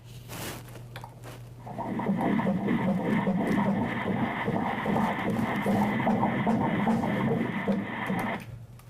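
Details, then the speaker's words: Ultrasound scan of a pregnant woman by a sonographer, heartbeat played aloud. Rapid rhythmic whooshing pulses at about 150 beats a minute: fetal heartbeat. "and then right here we can see that heart beating we're going to take a listen to this heart beating"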